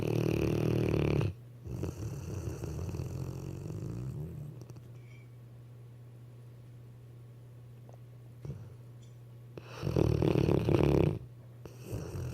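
Low, rough, rumbling breaths in bursts separated by quieter pauses; snoring from a sleeping dog.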